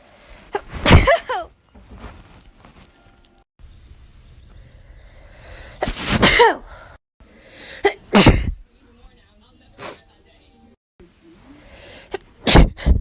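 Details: Child sneezing several times in a row, each a quick intake then a forceful burst; ordinary sneezing.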